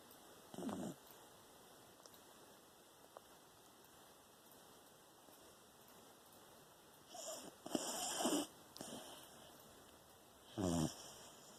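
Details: Sleeping Beagle dog with tongue out and eyes partly open, recorded Sept. 15, 2020: irregular short snorting, rattling breaths a few seconds apart over steady room hum; snoring.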